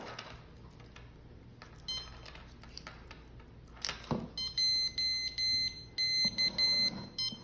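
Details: CADD Prizm infusion pump: quiet handling noise, then a short run of bright electronic tones, the pump's start-up jingle after its self-checks finish, before the cassette is loaded.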